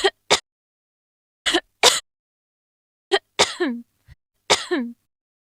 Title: Woman Coughing Sound Effect